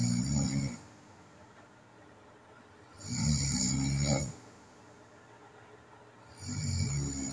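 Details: Loud rattling snores about 18 a minute with quiet gaps between; adult self-recording of nighttime snoring in someone with sleep apnea, recorded before apnea and hypopnea events.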